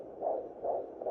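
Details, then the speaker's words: Soft, muffled whooshing pulses about 2.5 per second, roughly 150 a minute: a fetal heartbeat, played for the family dog as the baby brother's heartbeat. "that's your baby brother's heartbeat"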